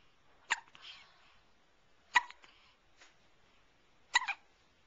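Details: One-month-old baby with hiccups: three brief, sharp catch sounds about two seconds apart, around 30 a minute.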